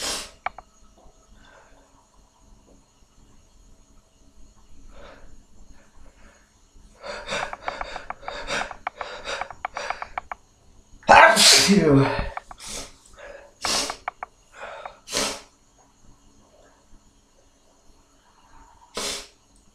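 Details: Quiet breathing and sniffing, then several sharp explosive bursts including one loud sneeze during a hangover; repeated sneezing.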